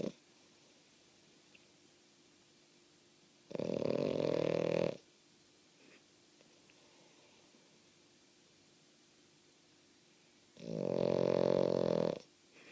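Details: Female French Bulldog snoring loudly while not even asleep: two loud, rattling snores about seven seconds apart, with quiet room noise between breaths.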